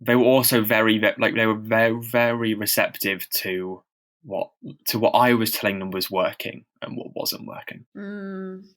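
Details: Stammering in a man who stammers and reports experiencing heavy blocks, speaking as co-host of a stammering association podcast; real, not acted.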